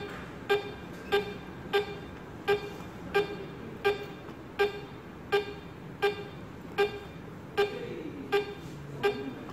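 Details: Steady tonal beeps, about 81 a minute, each marking a pulse detected by the SpO2 probe on a Vetsens-MP1 veterinary monitor with adjustable pulse volume and heart-rate source.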